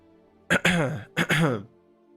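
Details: Throat clearing.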